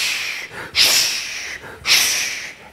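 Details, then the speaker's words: Lecturer's voiced imitation, not a real recording, of the continuous rushing 'shhh' machinery murmur of patent ductus arteriosus, which lasts throughout the whole cardiac cycle. "And if you were to listen to these patients, you will hear a murmur. All right? And it lasts throughout the whole of the cardiac cycle, which is sometimes called the machinery"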